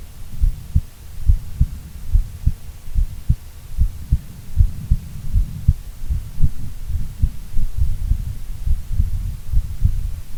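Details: Adult female heartbeat: steady low paired lub-dub thumps at about 72 beats a minute with a faint hum underneath; normal heart sounds.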